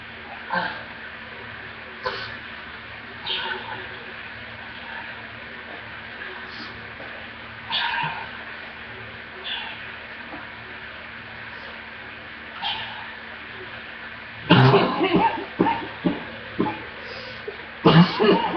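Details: Severe deep chest coughing attack, whole body shaking, breath taken away; needed inhaler and breathing treatment. Scattered soft coughs, then a cluster of harsh deep coughs near the end; poor laptop recording with low hum.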